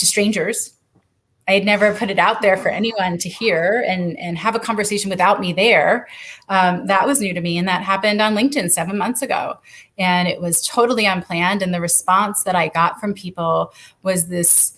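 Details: Adult woman; normal speech.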